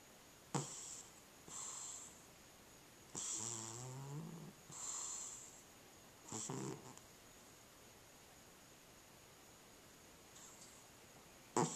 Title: Cat with Sleep Apnea